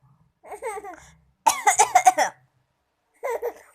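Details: Short burst of coughing mixed with a child's bubbly laughter and voiced bursts; the child laughs at the cough; ordinary coughing.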